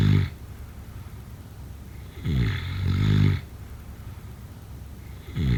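Low, rattling snores on each breath in, with quiet pauses between; ordinary sleep snoring.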